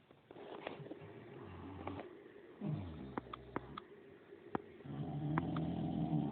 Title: Bulldogs ,staffy snoring in the afternoon